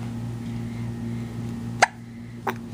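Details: A 9-week-old baby boy, awake, smiley and wiggly after his bath and a little spitty, gives two short, sharp catches about half a second apart over room hum: infant hiccups.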